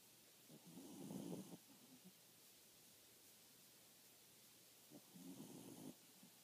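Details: Two soft, fluttering snores from sleeping dogs, several seconds apart, over quiet room hiss; dog snoring.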